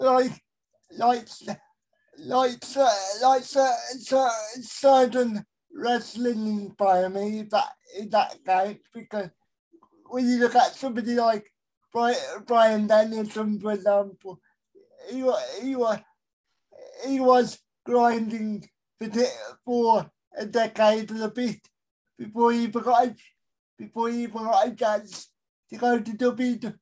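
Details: Adult male with a severe type of cerebral palsy; dysarthria due to cerebral palsy.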